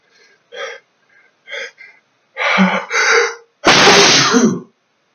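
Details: Adult male in a sneezing fit from chinchilla dust baths: run of building breaths and short catches ending in a loud, explosive sneeze.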